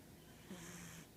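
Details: Child snoring during sleep: a quiet, brief buzzing breath with an airy hiss, heard once.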